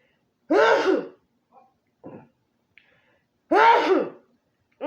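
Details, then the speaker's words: Adult eating a spicy garlic butter seafood boil with fufu announces an imminent sneeze, then two loud voiced sneezes with soft sounds between, attributed to the garlic and peppers; ordinary sneezing. "Thank you, babe. See that? That's the garlic and the peppers and oh."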